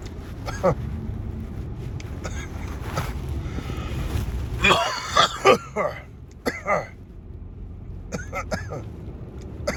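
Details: Throat clearing then a short run of three or four harsh coughs over steady outdoor noise; an adult's morning cough while vaping.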